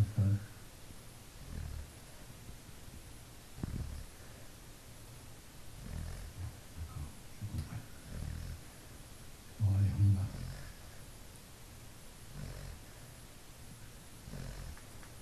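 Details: Labrador sleeping comfortably, snoring with low, irregular rumbling snorts through quiet room noise.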